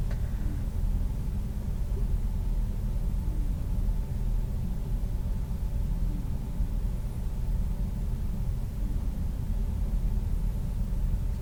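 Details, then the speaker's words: Stethoscope over the abdominal aorta below the xiphoid, on an adult male during a nurse's ASMR exam: a steady low rumble with no swishing. Normal, no bruit. "okay I'm gonna go to the renal arteries a little bit lower to the iliac arteries okay I didn't hear any breweries um Fair which is a good thing"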